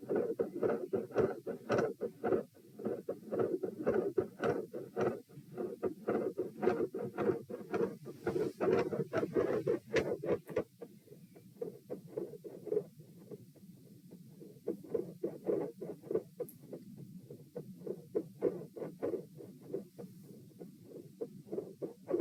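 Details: Heart sounds at position P, standing, sitting and lying: fast but soft beats, about 102–120 bpm, speeding and slowing with breathing; phasic pattern increases after about a minute and persists despite provoking manoeuvres; respiratory sinus arrhythmia.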